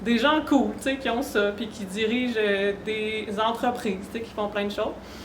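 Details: Adult woman who states she stutters; real, not acted: stuttering.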